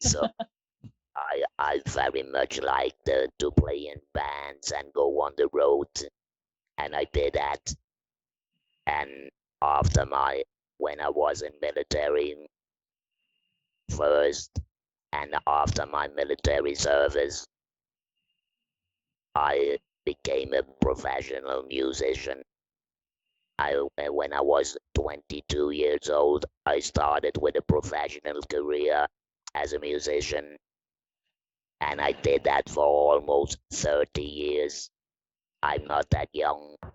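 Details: Electrolarynx speech from a 66-year-old man, a musician, about eight months after total laryngectomy in February 2020, using a neck-held electrolarynx (Inspiration model) with a button controlling pitch and intonation.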